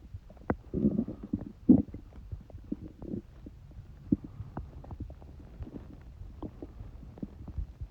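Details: Stomach rumbling recorded during a cold: soft gurgles and short rumbles early, then quieter low clicks and bubbling; ordinary bowel sounds.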